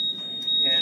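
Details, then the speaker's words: Berlin Heart ventricular assist device alarm demonstrated during a perfusion lecture: steady high-pitched audible alarm from the console with a red light; first check the patient and whether the pump is still filling and emptying. "so when you get an audible alarm really uh you know it it obviously the little light lights up and you hear a noise um well here we can do that right here if you have an experience that's the alarm right there"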